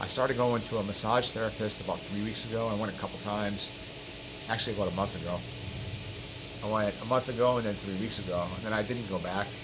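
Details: Adult man with throat cancer after surgical removal of the right pharyngeal constrictor muscle; air escapes into the nasal cavity, severity varies, progress slow; hypernasal speech.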